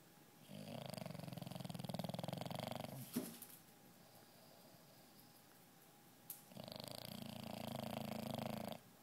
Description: An English bulldog snores